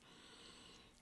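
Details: Stridor in a speaker with subglottic stenosis, a disease narrowing the airway just below the vocal cords; noisy breathing.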